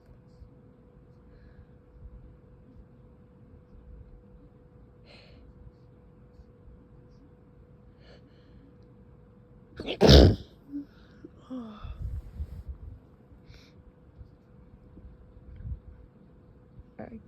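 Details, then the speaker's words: A quiet room, a few soft breaths, then one abrupt, forceful, partly held-back sneeze followed by recovery breaths, one of repeated intense sneezes that hurt: stifled sneeze. "I keep I keep having these really intense sneezes that hurt."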